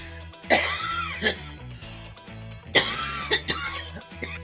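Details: An adult woman gives a few harsh, throaty coughs and throat clears over steady background music; cough.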